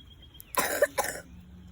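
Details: A child gives two short, harsh coughs in quick succession, with faint outdoor background noise, recorded during a visit to a strawberry farm.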